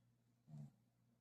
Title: Does your fur baby snore 😴😴